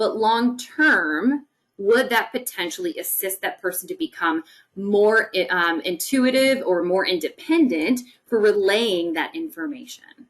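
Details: Adult woman; ordinary speech.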